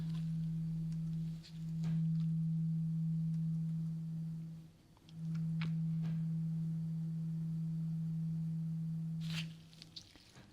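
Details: Steady, pure, low tone from a tuning fork played twice with a short gap and light handling noise, in a simulated ASMR role-play ear exam; a hearing-test tone that the patient reports hearing as muffled.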